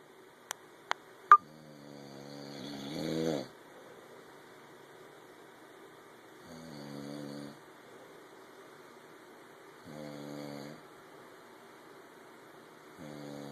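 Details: Snoring with three clicks at the start, then one loud voiced snore and three softer ones about 3.5 seconds apart, roughly 17 a minute.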